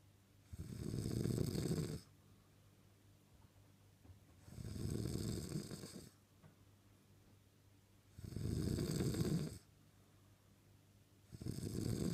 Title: The sweet sound of snoring